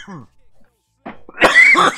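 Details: Coughing fit after smoking Gorilla Glue #4 cannabis during a live stream: a brief vocal sound, a pause, then a harsh burst of coughing with rough throat noise.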